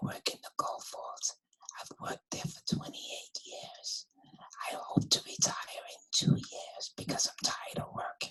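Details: Patient sample presented by a laryngologist as Parkinsonian hypophonia.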